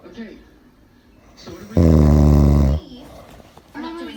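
One loud, deep, rattling breath lasting about a second, with quieter breathing around it; snoring in an adult man.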